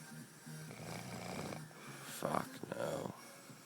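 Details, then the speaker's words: Rough, rattling snore from an adult man sleeping deeply the morning after a night out; friend says it sounds weird, like he's going to stop breathing, and he won't wake; snoring. "honestly been trying to wake this cunt up so fucking long. It's not stop snoring, man. It's doing it weird as. Sounds like you're gonna stop breathing, cunt."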